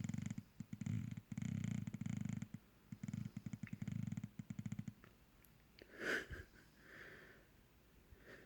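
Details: Bulldog snoring loudly enough to keep owner awake: rapid fluttering, rattling low breath noises in short bursts, then quieter breathing; snoring.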